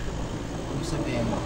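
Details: Suction machine running normally after a power-switch replacement repair: steady low motor hum and airflow noise.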